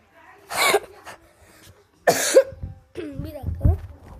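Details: Cough from a person who says they are ill and their voice may be hoarse: two harsh, forceful coughs, then a few spoken words in a slightly rough voice.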